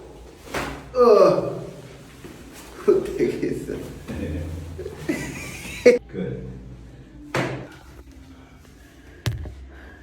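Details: Joint cavitation during full-body chiropractic adjustment of a couple: several sharp pops and dull thuds, consistent with normal joint cracking.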